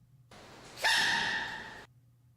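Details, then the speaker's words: Baby panda sneeze: a single sudden high-pitched burst rising from a short breath in, then fading; animal sneezing. "okay last one let me introduce you to this baby panda sneeze"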